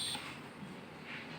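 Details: Short high electronic alert beep from a Hamilton C-3 ventilator, then steady room noise.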